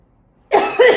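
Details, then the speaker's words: 28-year-old adult with strep throat, one week after surgery, in a coughing fit after smoking weed. The cough is painful, with a burning throat and inability to swallow. "Why am I coughing? It will really hurt. Oh my god, that's definitely the weed."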